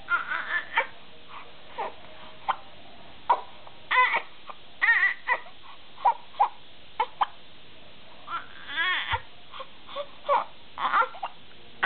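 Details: Baby girl: short, broken fussing cries and whimpers in a small room; ordinary infant crying.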